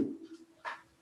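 A brief muffled, indistinct voiced sound is heard through the stethoscope as the patient speaks; this is normal vocal resonance, without clear transmitted words.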